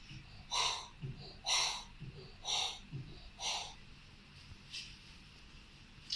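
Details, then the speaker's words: Vocal imitation of double aortic lesion, aortic regurgitation with functional aortic stenosis, heard at the second aortic area: to-and-fro murmur, rough systolic whoosh and softer blowing diastolic sound, about 60 per minute. "الدبل اورتيك، اورتيك ريجيج ويز فانكشنال ستينوزس،"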